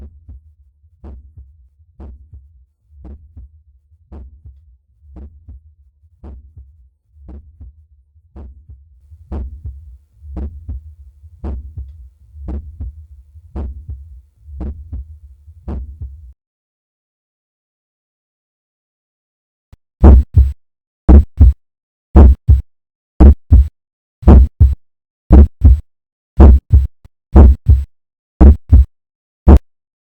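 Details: Stethoscope at the tricuspid area, lower left breastbone: regular heartbeat about 57 a minute with normal first and second heart sounds.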